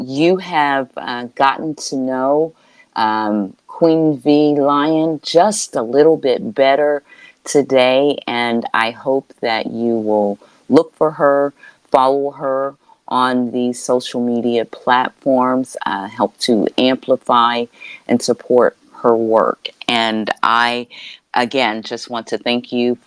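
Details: Adult speaker; typical speech.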